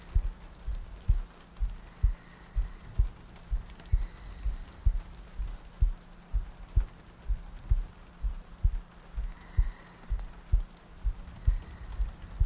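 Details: ASMR sleep-aid loop of a heartbeat with soft breathing and rain ambience: soft, steady low thumps at about 64 a minute under a rain-like hiss.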